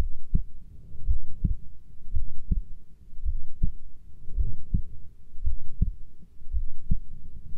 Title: 20 min heartbeat recording